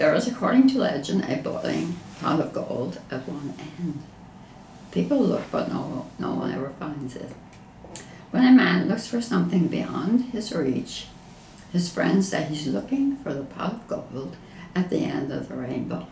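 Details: Spasmodic dysphonia in a patient reading the Rainbow Passage, shown as results after deep brain stimulation treatment.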